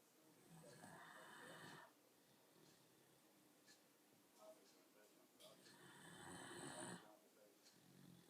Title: Sasha Snoring